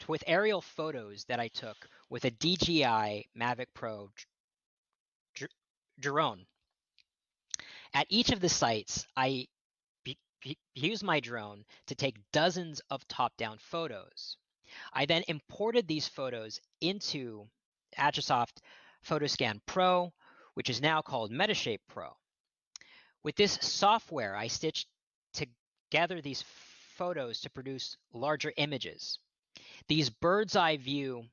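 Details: Adult male archaeologist who says he stutters and will stutter now and then, giving a lecture; stuttering.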